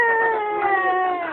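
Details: Lia, a baby, gives a single sustained, high-pitched cry that slowly drops in pitch, with a clear tonal quality: infant crying.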